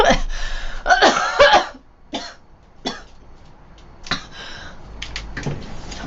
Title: Girl Coughing 413